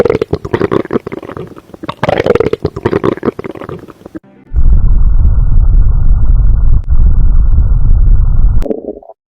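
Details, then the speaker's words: Abdominal auscultation with stethoscope, patient supine with legs semi-flexed: irregular soft gurgles and clicks for about four seconds, then a loud steady low drone; normal bowel sounds. "Normally bowel sounds ऐसे होते हैं। यह कुछ vowel sounds हैं जो आप सुन सकते हैं।"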